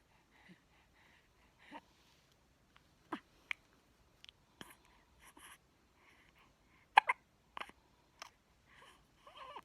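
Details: Two-week-old baby boy who couldn't stop hiccupping: quiet, brief catching sounds repeating with soft breathing and small whimpers; newborn hiccups.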